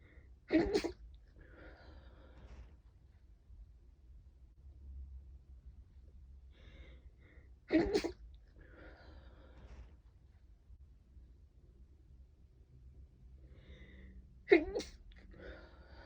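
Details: Sneezing series that began stifled and was then let out, with one or two false starts: three sneezes about seven seconds apart, each a sharp burst followed by a brief sniff or breath.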